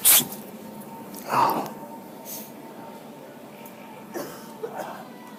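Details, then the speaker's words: Staged sneezes during a prank, where people pretend to sneeze on others while spraying them with a spray bottle: a sharp sneeze burst, then a fainter second one, followed by quiet room noise. "hey guys this week's video is the sneezing prank and it's when we get a spray bottle and pretend we sneeze on people but actually we just spraying on spraying him with this"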